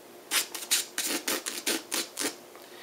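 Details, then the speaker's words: Adult woman with Asperger's syndrome demonstrating her vocal (phonic) tics, mostly involving air and lips: a run of brief, hissy air and lip bursts, about seven in under three seconds, in quick succession. "i have vocal tics which are also called uh phonic or um verbal ticks and with me mostly it involves a lot of air and um lips"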